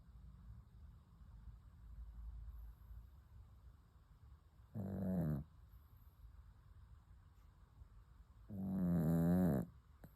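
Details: A sleeping puppy: two low, droning snores several seconds apart over a quiet background; snoring.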